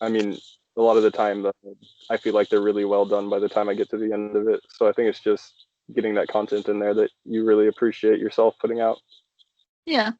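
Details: Adult man speaking; normal speech.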